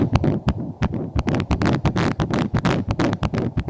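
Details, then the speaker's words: Early fetal heartbeat at 8–9 weeks of pregnancy on ultrasound Doppler: rapid rhythmic whooshing beats about 175 per minute. "이 때 8 9 주 때 들을 수 있는 심장 소리 아기 심장"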